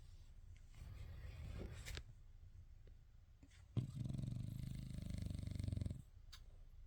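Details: Sleeping French bulldog with IVDD snoring at naptime: low rumbling snore with one long loud vibrating inhalation.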